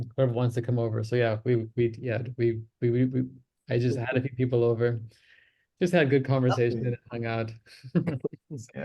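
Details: Adult man who self-reports that he stammers; stuttering.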